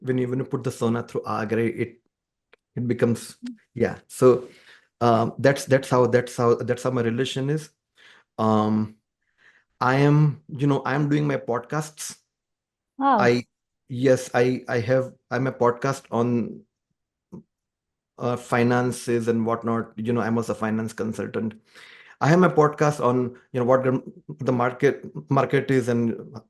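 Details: Adult man described as a person who stammers, speaking conversationally; stuttering (stammering).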